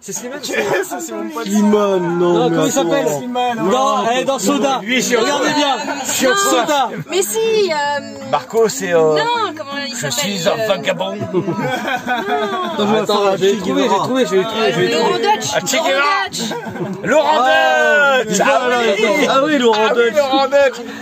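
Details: Adult speaker; normal voice.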